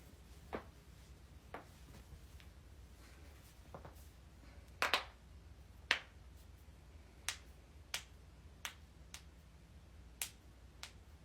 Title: joints cracking